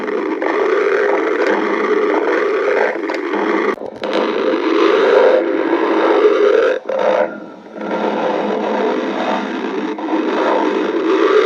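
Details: Stomach growling: a long, continuous gurgling rumble with shifting bubbly texture from moving gas and fluid.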